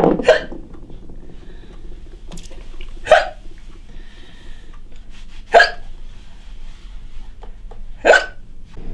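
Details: Woman with hiccups during housework, described as a condition she battles daily: sharp, abrupt gulping sounds about every two and a half seconds over household noise; repeated hiccups.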